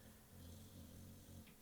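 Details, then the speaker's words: Dog named Buster snoring: a soft, low rumbling snore from a sleeping dog, faint against quiet room noise. "not again not not twice in a match coke a can hear the dog snoring"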